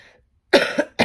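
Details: An adult woman gives one rough, partly voiced cough after a brief quiet moment and starts a second. It is an irritated-throat cough.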